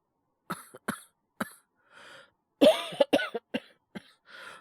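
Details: Simulated: an acted series of about ten short dry coughs and throat clears by a male voice actor playing a character with a cold; imitated cough.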